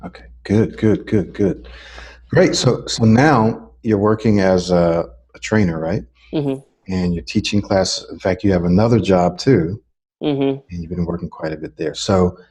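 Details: Adult man, interviewer; fluent speech.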